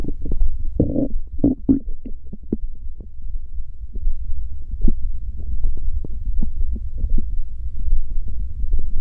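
Low, continuous rumbling and gurgling that does not stop, with brief bubbling bursts; ordinary stomach growling from gas and fluid moving through the gut.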